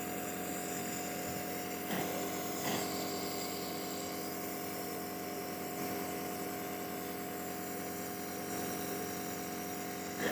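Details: Steady mechanical hum and buzz of a nebulizer compressor running during nebulization for cough, with faint room sounds.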